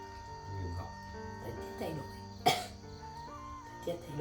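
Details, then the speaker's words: Single sharp cough from a man with sore throat and hoarse voice, over steady background music with faint throat sounds. "Anh không sao đâu, thấy em khản hết tiếng này nguy hiểm quá. Ho mà, ho xong nó đau họng."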